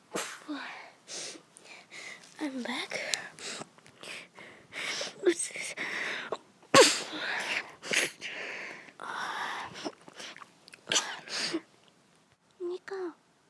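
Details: Two sisters talk in a small room, interrupted by several sharp, breathy bursts of repeated sneezing mixed with the talk; sneezing.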